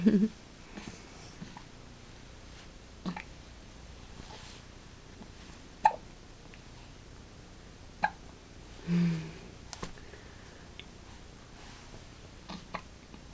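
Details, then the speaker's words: Baby who has just eaten, lying kicking with a clean diaper: several brief, abrupt little hiccup sounds a few seconds apart in a quiet room. "those hiccups again"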